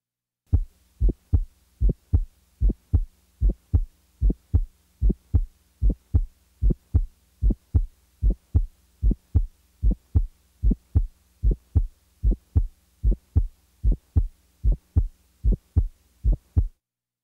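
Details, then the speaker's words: Ejection click heard best at the base with the stethoscope diaphragm firmly pressed; regular heartbeat about 75 per minute with a sharp high-frequency click just after S1, from semilunar valve opening. "both a arctic and pulmonary ejection sounds are heard best with the diaphragm firmly pressed listen now to an ejection sound"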